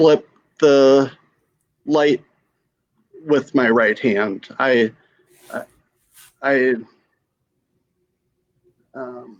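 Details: Adult female stroke survivor with mild to moderate aphasia from a stroke at age 35, now 7 years post-stroke, with right-side weakness; she says the words are there but getting them out is hard.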